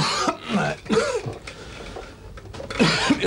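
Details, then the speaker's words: Acted cough in a 1986 Dutch TV comedy sketch set in an office: an adult actor gives several harsh, voiced coughing bursts, partly like throat clearing, in a quiet indoor room. It is called an ordinary tickle. "Je mag wel eens wat aan die hoes doen man gewone kriebel"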